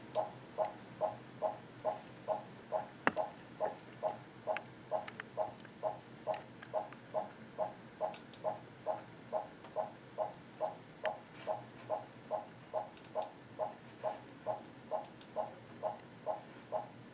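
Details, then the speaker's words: Reactive non-stress test, fetal Doppler monitor: rapid, regular whooshing fetal heartbeats in the 140s with average variability (6–25 bpm), the rate rising into a fetal acceleration; normal fetal heart rate. "any earth maybes currently doing and you can hear the heart rate go up and now you see a fetal acceleration"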